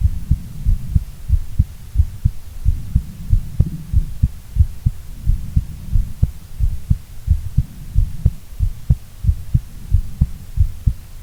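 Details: Adult female heartbeat: steady, regular low lub-dub thumps over a faint hum; normal heart sounds with no added noises.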